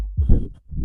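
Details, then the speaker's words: Mitral stenosis murmur due to rheumatic heart disease: low-pitched heart sounds with a low rumbling murmur. "yes romantic heart disease for this vital stenosis"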